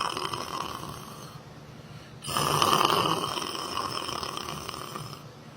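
Rough, noisy breathing sounds rising and fading during sleep, with a steady room hum behind; snoring.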